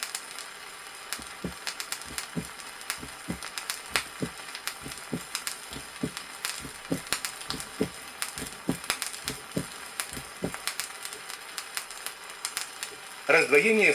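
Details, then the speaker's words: 1963 vinyl teaching record: heart sounds at the apex in a female patient with mitral disease, first sound split, under record surface noise; split first heart sound. "на следующей записи прослушивается расщепление первого тона на верхушке у больной с митральным"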